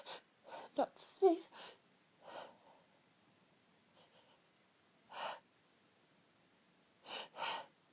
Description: trying to holdback sneezes for as long as i could before the fit just wouldn't be held back anymore